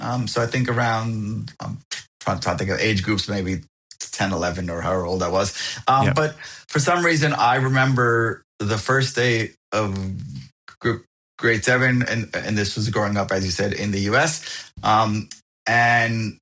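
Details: Adult man who has stuttered since he could talk, now an overt stutterer, with blocks that bounce, slide or are silent; found a stuttering support group at 28; audible repetitions; stuttering.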